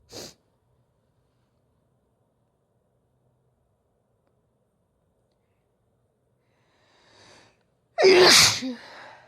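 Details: Woman's sneeze induced by chhinkni sneezing powder, stifled until it can't be held: long silence, a brief catching inhale, then one loud explosive sneeze with a trailing breath.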